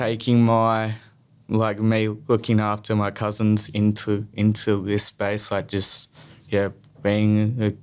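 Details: Stuttering in a young male who stutters.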